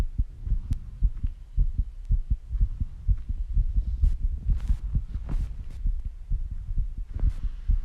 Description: it was my heart beating so fast when I was rebreathing and after breathing and squats I was heavy breathing too